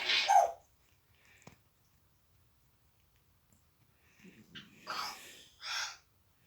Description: African grey parrot doing is sneezing act warning there is a swear word in the video from the parrot.